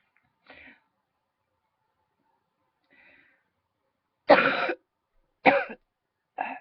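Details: Faint throat noises, then three short dry coughs in quick succession, from a big throat tickle that kept the person coughing for a while.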